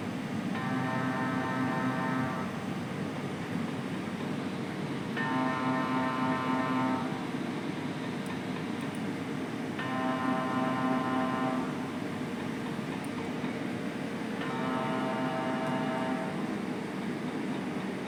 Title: How to mri sound & scan view checking